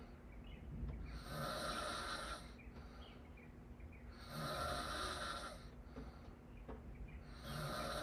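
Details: Sleeper snoring with mouth open: loud rattling snores on each breath in, about 20 a minute.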